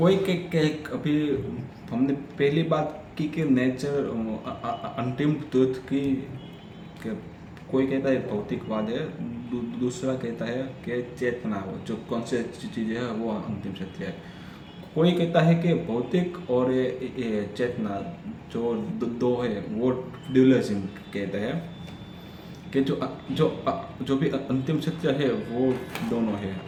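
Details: Adult man who stammers, on Day 6 of a daily stammering practice routine (breathing, vowel, tongue and lip exercises, tongue twisters, story telling), telling a story in Hindi; stammering.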